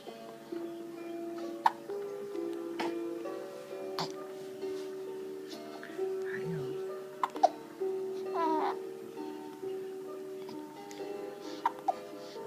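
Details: A baby hiccuping in a swing: brief, sharp infant hiccups repeat every few seconds over steady lullaby music.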